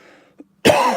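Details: Persistent post-COVID cough that the speaker says he still has, while feeling lethargic, unwell and low on energy.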